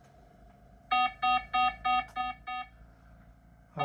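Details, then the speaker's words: Bedside heart and oxygen monitor beeping six steady alarms as heart rate drops to 49–48 in a girl with 22q11.2 deletion syndrome after seizures and oxygen drops into the low 80s; oxygen flow fine: low heart rate alarm. "rate dropping 49 48. Oxygen flow is fine."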